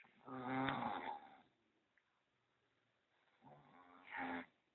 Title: Snore in sleep ( Chứng ngủ ngáy)